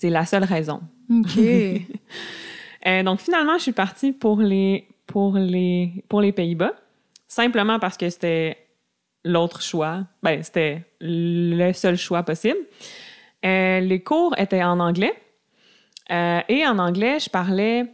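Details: Adult woman who stutters, diagnosed at age 7, with a family history of persistent stuttering; she masked it until about age 21; stuttering.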